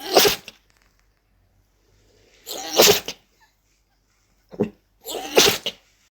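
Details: Male dog sneezing: three sharp sneeze bursts separated by quiet pauses, with a smaller snort between them, amid laughter.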